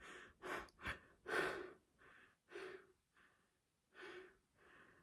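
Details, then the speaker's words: An adult with a damaged voice after a tracheostomy, and possibly full MS, takes a series of audible, effortful breaths and gasps while talking, catching breath after voice effort; struggles to breathe during speech. "I need to breathe. A lot of my videos are about an hour long and I'm just editing out bits of me breathing."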